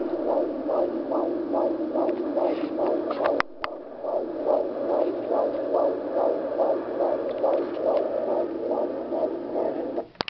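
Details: Rapid, regular whooshing fetal heartbeat on Doppler at about 17 weeks of pregnancy, roughly 140 beats per minute.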